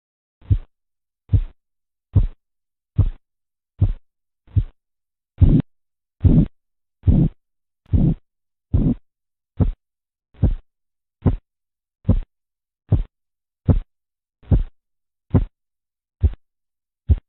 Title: RUIDOS DE KOROTKOFF